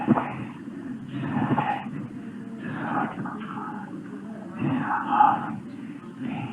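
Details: Psychogenic dysphonia: total whispered aphonia that does not match the patient's clinical condition; the patient claimed to be unable to vocalize.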